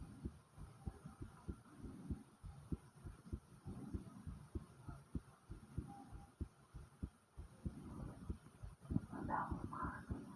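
Quick, repeated low thumps of a heartbeat heard close up, with some gurgling near the end.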